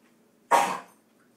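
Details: Single harsh, rasping expulsive burst from a dog; cough.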